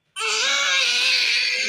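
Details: Loud, sustained, high-pitched wail held steadily without a break while the baby is coaxed to drink packet milk; infant cry.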